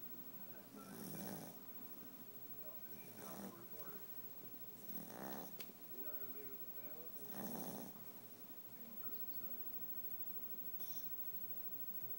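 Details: Female dog snoring while asleep, reportedly getting much louder at times: four slow, rasping snores at irregular intervals over a quiet room hum, about 20 a minute.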